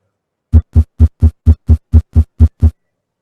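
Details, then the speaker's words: Simulated sinus tachycardia from an app, played in a physiology class as the heart of a person who starts exercising and running: rapid, regular heart sounds near 130 beats a minute. "n laboratorio taquicardia sin usarse a un ritmo rápido digamos que acá el señor vázquez se pone a hacer ejercicio ya comienza a correr"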